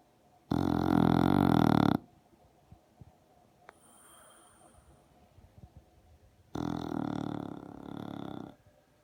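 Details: Sleeping English Bulldog with lip vibrating, in mild sleep: two loud, long, rattling snores with a quiet pause between them; noisy snoring, louder in deep sleep.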